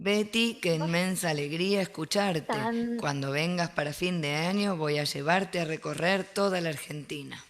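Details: Adult woman reading aloud in Spanish; breathy dysphonia (vocal fold cyst).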